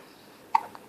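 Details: Baby giving a single brief, sharp hiccup against quiet room noise; ordinary hiccup.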